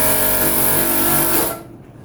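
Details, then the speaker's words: A suction machine is switched on and tested before an infant suctioning demonstration. It gives a loud, steady motor whine and hiss that cuts off near the end. "now I'm gonna make sure my suction machine is working properly by putting it on and testing it out before I actually start the procedure and it's working"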